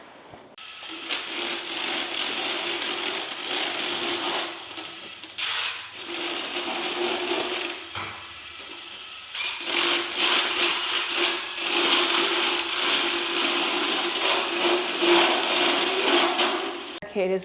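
Loud, steady high-pitched mechanical whirring and grinding in bursts with brief pauses, a motorized dental float rasping a horse's teeth; a short voice at the end.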